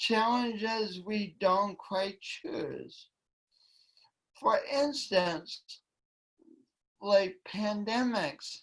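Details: Woman with a long-standing speech impediment affecting her voice and coordination, which she tried to deny for years; speech impediment.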